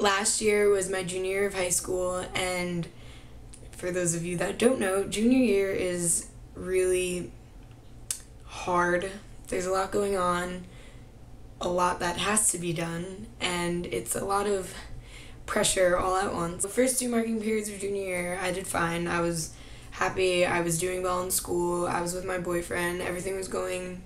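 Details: 17-year-old girl who reports having vocal nodules; vocal nodules.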